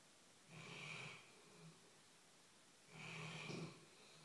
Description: My dog snores so load!!!